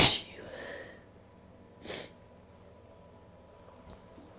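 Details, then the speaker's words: Induced sneezing, the first of 2019 after months without inducing: a sharp sneeze burst, then a softer sneezy puff and a small snort in a quiet room. "about to induce my first sneeze of 2019. I haven't actually done this in like months and months and months, so I don't know if I'm going to be very good at this, but okay."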